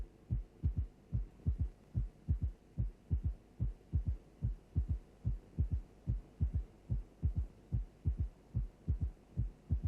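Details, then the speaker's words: Regular heartbeat at about 73 a minute with a soft, low extra sound just after the second heart sound: a third heart sound (S3). "Let us now listen to an example of a third heart sound."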